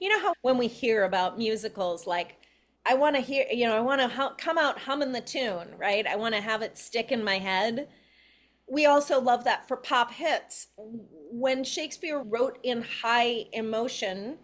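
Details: Adult woman; normal speech.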